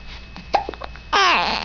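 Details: Young child with hiccups: a few quick, abrupt vocal catches, then a longer whiny voiced sound; the child says she doesn't like the hiccups.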